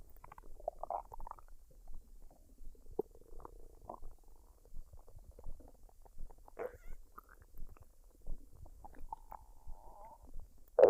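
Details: Woman's belly after a fried rice and duck dinner, unedited with no added sounds: quiet gurgles, squeaks and rumbles at irregular intervals, some drawn out; normal bowel sounds.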